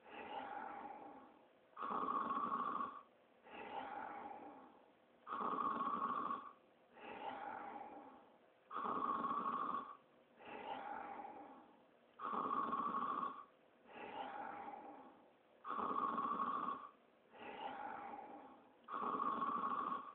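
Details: Simulated cartoon snoring of Sonic the Hedgehog sleeping, not a real sleeper: steady rhythmic snores about 17 per minute, rough buzzing on each inhalation.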